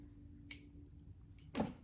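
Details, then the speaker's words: During an abdominal assessment, two or three short finger taps on the abdomen give a hollow tympanic note while all four quadrants are percussed. Some dullness is said to be normal. "I'm going to percuss all four quadrants. Mostly you're going to hear tympanic sounds on percussing. Some dullness is normal as well."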